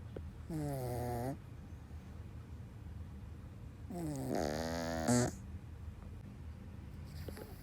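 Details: Sleeping dog snoring: loud, rough, tonal snores on long breaths with quiet pauses between them.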